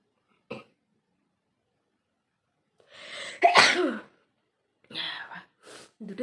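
A short puff, a pause, then a loud explosive sneeze followed by a few softer breathy bursts, likely nose blowing.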